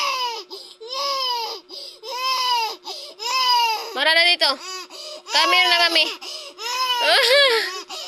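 Repeated loud, high-pitched wailing cries in bursts with brief breaths between; ordinary infant crying.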